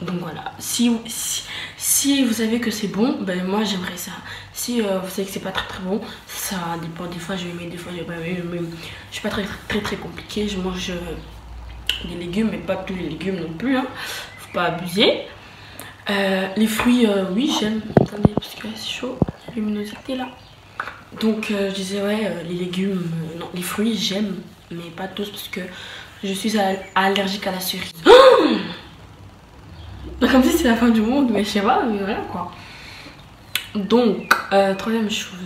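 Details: Stuttering in a woman who says she stutters, heard in French speech.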